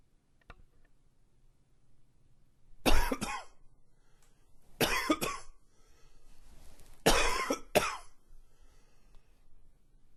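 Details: Coughing fit: repeated bouts of forceful double coughs in a quiet room.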